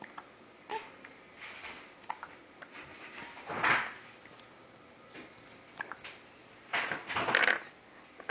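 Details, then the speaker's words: Dog with hiccups after a lot of vocalizing: several short, abrupt, irregularly spaced hic-like bursts over about eight seconds in a quiet room; hiccups. "You gave yourself the hiccups now with all your talking."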